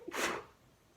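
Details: One brief, sharp, hissing sneeze burst from a 26-sneeze sneezing fit while watching TV.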